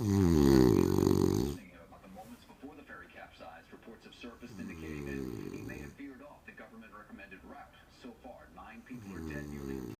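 Loud rattling snore, then quieter breathing with further softer snores returning, with faint voices or television in the background.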